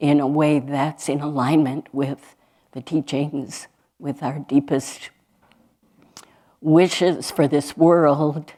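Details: Adult woman speaking; normal speech.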